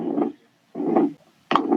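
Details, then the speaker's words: Pericardial friction rub in pericarditis: scratchy, creaking bursts like crunching snow with each heartbeat, one sound in systole and one or two in diastole, discontinuous and easily confused with a cardiac murmur. "Con respecto a la auscultación, el soplo se parece al rechinado o al crujido de la nieve. Bueno, nosotros no tenemos nieve. Sonidos cortos por cada ciclo cardíaco. Un sonido durante la sístole y 1 o 2 sonidos durante la diástole."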